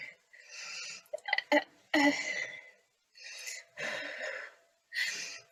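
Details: Stuttering blocks in a female adult who stammers, unable to get her name out, recorded on her first day of a stuttering course, before the programme.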